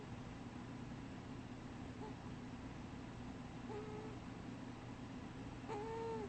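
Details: Wheezing while dreaming during sleep.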